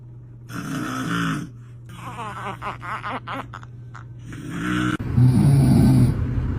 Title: When dad doesnt stop snoring #funnybabies #funny #funnyshorts